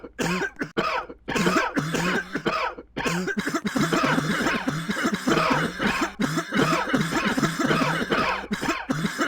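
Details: Child coughing in quick repeated bursts, some with a voiced, throaty edge and little pause between them, labelled as a virus: cough.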